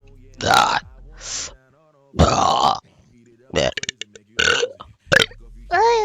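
A string of loud, drawn-out burps between short bits of speech and background sounds: repeated belching.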